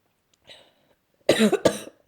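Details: Person with a cold that has worsened, cough getting worse, exhausted and sleeping most of the day: a soft breath in, then two harsh, abrupt coughs close together; cough.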